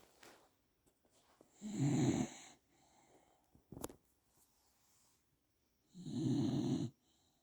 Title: A cute dog sleeping soundly with gentle snoring. It's a dog's life 🐕